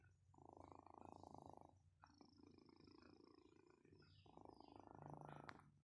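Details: A person snoring while napping.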